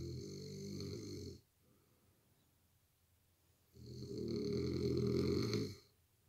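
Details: A man snoring really loud, enough to wake his partner: loud, rattling snores on long breaths with quiet pauses between, in a quiet room, like a grizzly bear; heavy snoring.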